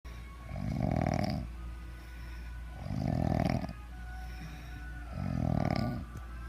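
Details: Loud, rough, rattling snores on each in-breath, about three in six seconds, with a steady background hum; a person described as snoring badly.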